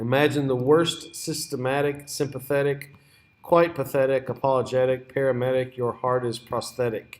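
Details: Clang associations of disorganized schizophrenia, read aloud as an example by a teacher rather than produced by a patient.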